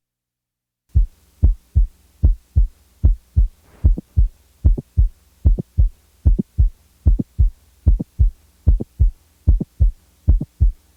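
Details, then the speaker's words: Simulated heartbeat where a sharp extra click is introduced in mid-systole and then withdrawn; mid-systolic click. "the next example is that of a normal 20-year-old female with a typical midsystolic [Music] click"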